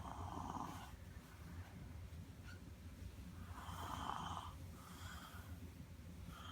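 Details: Five-year-old child snoring while asleep: soft rhythmic rumbling snores with a fluttering quality and faint whistling on the breaths, over low room noise; snoring.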